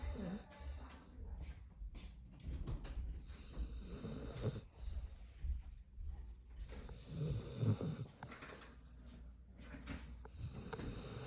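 Loud, rough, low rumbling snores repeating through the sleep breaths, with a snorting edge on some breaths; a dog snoring.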